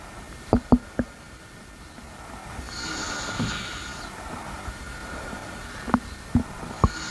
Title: Fall Sleep in minutes with Oddly satisfying stomach noises